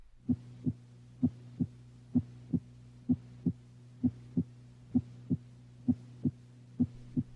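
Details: Heard through the stethoscope diaphragm at the aortic area, right 2nd interspace beside the sternum: regular paired lub-dub beats at about 65 a minute over low hum; normal heart sounds, S1 louder than S2.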